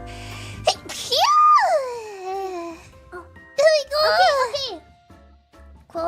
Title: Sneezes 115-116